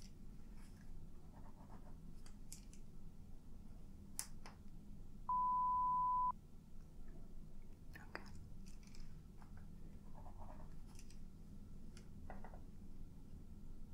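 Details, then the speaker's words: Simulated ASMR audiology role-play, high/low frequency pure-tone hearing test where the listener responds by raising a hand or saying yes: a steady one-second pure beep over quiet room noise and soft handling sounds. "what i want you to do is when you hear one of the sounds one of the tones you can either raise your hand or you can say yes okay that's all you have to do"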